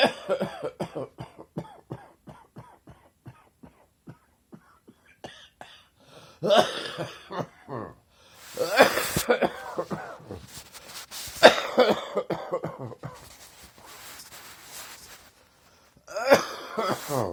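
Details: An adult's harsh, chesty productive morning cough: a string of short, rattly hacks, then several heavier, longer coughing bouts.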